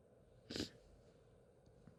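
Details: Sneeze in a female during a sneezing fit: a single brief, muffled sneeze burst against quiet room noise.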